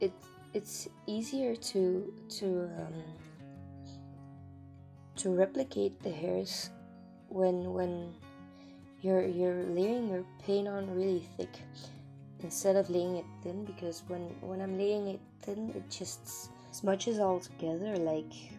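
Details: Adult woman, non-native English speaker living in Belgium, with a stutter she says she does not usually have, arising from nervousness about being recorded; word and part-word repetitions, stuttering.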